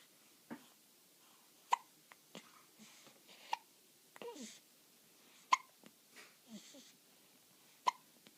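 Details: Ordinary hiccups: quiet, abrupt hiccup sounds recurring irregularly, about four in eight seconds, with soft breathing between them.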